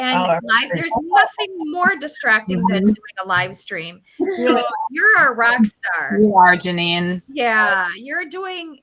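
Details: Adult woman speaking; normal speech.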